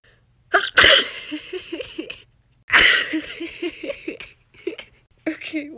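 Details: Woman deliberately making herself sneeze with a tissue while trying to keep her eyes open: two explosive sneezes, each followed by breathy laughter, then a smaller third burst.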